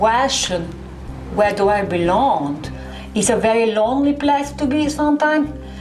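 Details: Foreign accent syndrome in a person describing a feeling of lost identity.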